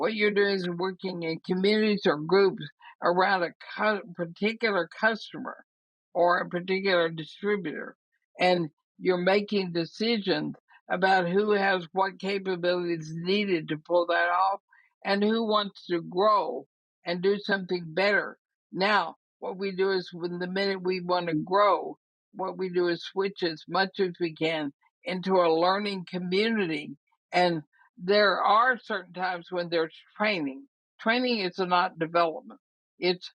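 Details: Woman about 80 years old diagnosed with ALS (Lou Gehrig's disease), who says she already has quite a bit of trouble speaking but thinks she is still intelligible; dysarthria (ALS).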